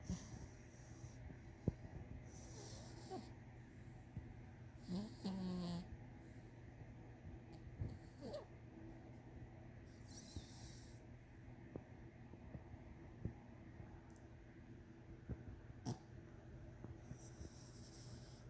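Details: Sleeping kitten with soft, low rattling breaths at rest and a few brief snorts over steady room hum; snoring.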